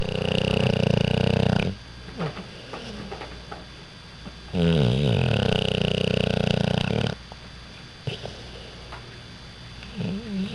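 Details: 6-month-old Pit Bull asleep on owner's lap after a morning walk; very loud, rattling snores, each about two seconds long, with quieter noisy breathing between; heavy snoring.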